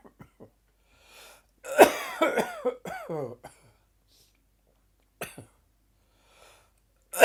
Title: Dry Gagging Afternoon Cough